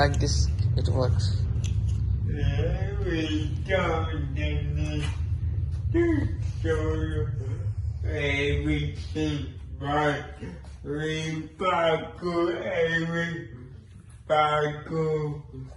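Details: Person with cerebral palsy with involuntary movements; dysarthric speech (cerebral palsy), inferred rather than named.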